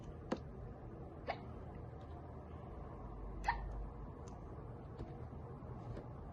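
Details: Girl with hiccups after drinking soda: brief, sharp gulping catches at irregular intervals in a quiet room, three clearest in six seconds.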